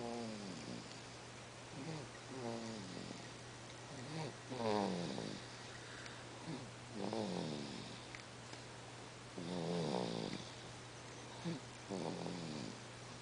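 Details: Sleeping baby making noise: soft squeaky, grunting sounds with breaths, about 25 a minute, over steady room hum; infant noisy breathing during sleep.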